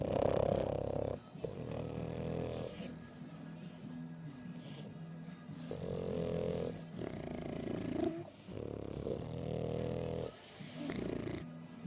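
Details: French bulldog snoring in sleep: loud, rhythmic low snores with a buzzing snort on each breath, about six breaths in twelve seconds, over faint background music.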